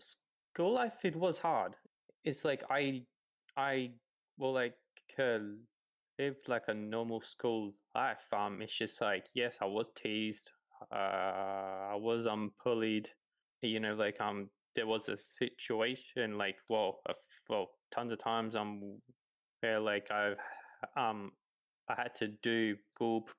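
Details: 28-year-old man who has stuttered his whole life, since about age three, real speech with repetitions and fillers; stuttering.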